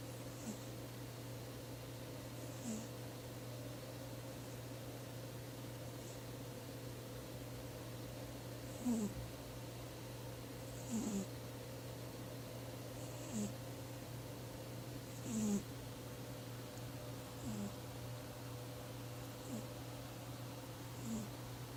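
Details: A sleeping, dreaming cat snoring softly in a regular rhythm, about 28 breaths a minute, over a steady room hum.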